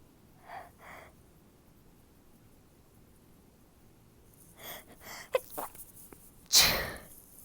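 Catching breaths build up, then a short, muffled, held-in sneeze burst escapes in a quiet room.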